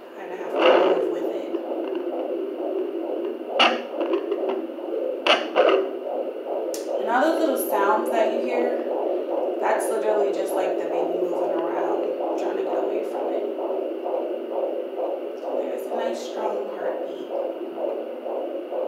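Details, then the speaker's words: Carrying a boy, recorded with a Sonoline B handheld fetal Doppler: a few handling knocks, then a fast, steady whooshing pulse. Fetal heartbeat. "it gave me peace of mind that my baby was okay because I was able to hear heartbeat"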